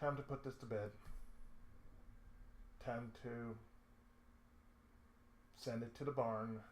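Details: Adult man with cerebral palsy, a daily lifelong condition with speech problems since childhood; reports an occasional lisp, mid-sentence breaks and pauses, and a drawl; dysarthric speech in cerebral palsy.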